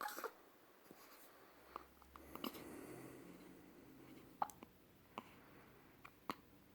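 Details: Several brief, sharp, soft gulping clicks at irregular intervals in a quiet room, about six in under seven seconds: hiccups.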